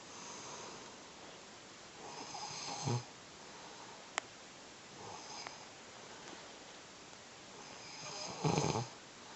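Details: Adult man with sleep apnea, recovering from a cold and breathing with difficulty, sleeping: rough, rattling snores about every three seconds, one louder, with quiet between; snoring.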